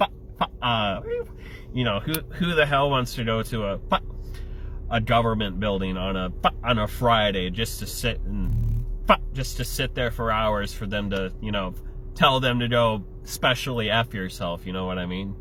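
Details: Adult male with Tourette syndrome whose tics include flicking off and yelling the F-bomb; vocal tics (Tourette syndrome).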